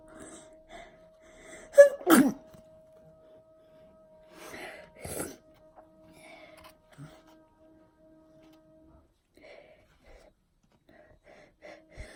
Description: Letting out some massive forced sneezes.